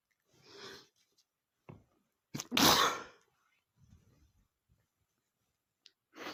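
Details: Male sneezing triggered by a dusty book: a single forceful sneeze after a short catch of breath, with a few soft sniffs before and after.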